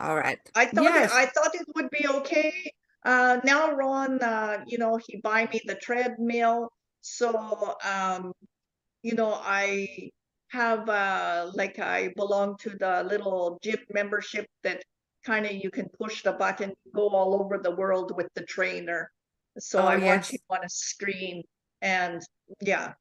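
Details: Adult woman with foreign accent syndrome after a neurological event in July 2010, accent shifting between Chinese, Irish, South African and Dutch-sounding; also aphasia, apraxia, comprehension difficulties, reported lack of tongue control and gibberish under stress; foreign accent syndrome.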